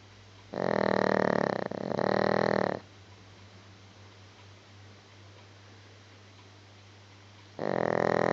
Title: Gizmo snoring